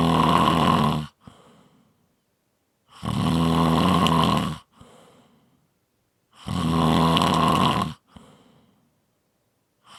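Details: A five-minute audio clip of snoring.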